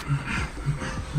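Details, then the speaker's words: American Bully at a vet check-up: low, rough snoring-type breathing, which the vet calls stertor from a soft palate too long for the throat. It is not currently a problem. "you know like every Bulldog everywhere he's got stirrer which is the snoring sound"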